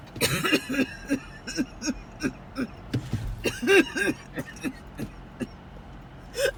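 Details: Rapid run of short, repeated coughs in quick bursts with car noise behind, recorded on the way to the hospital/ER during a series of attacks; coughing fit.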